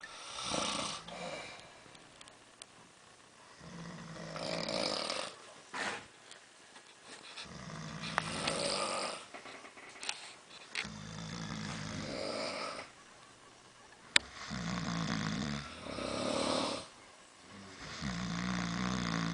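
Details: Repeated rough, rattling snores with breathy hissing between, roughly one every two to three seconds, from two sleepers in a cabin, with some household noise; snoring.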